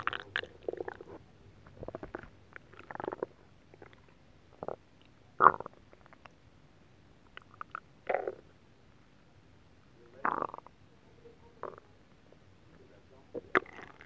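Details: Adult's belly after eating a whole pot of nabe stew, during belly rub and oil massage: soft, scattered gurgles, squeaks and bubbling pops irregularly, faint TV; ordinary digestive borborygmi.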